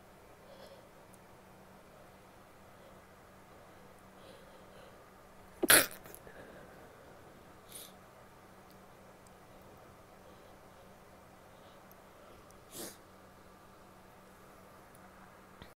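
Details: Female: a single sharp, muffled burst with two fainter ones after it, over quiet room hum; a stifled, held-in sneeze.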